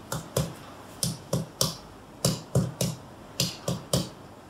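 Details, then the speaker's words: Thorax examination, percussion down the left lower chest: about a dozen sharp finger taps in groups, with the note shifting from resonant lung to tympanic stomach, marking the normal lower lung border. "kita cari dia batas paru bawahnya dengan cari batas antara paru dengan lambungnya dari perubahan dari sonor ke timpani ya, kira-kira seperti itu."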